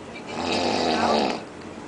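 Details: Adult man during an afternoon nap on vacation, snoring for over an hour: a single soft, rattly breath noise lasting about a second; snoring.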